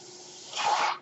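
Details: Soft steady hiss swells into a louder airy rush from the male podcaster's own ventilator, heard during his speech; a mechanical ventilator breath.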